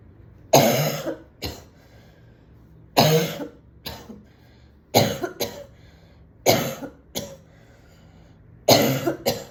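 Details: Woman coughing at home after smoking a cigarette at a party: repeated harsh, rough coughs in bouts, some with a short follow-up cough, in a quiet room; cough after smoking.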